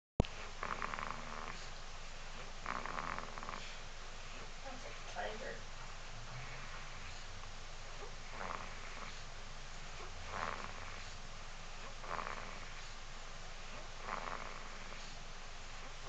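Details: Soft, rough snoring breaths recurring every couple of seconds over steady room noise; light snoring in a sleeping person.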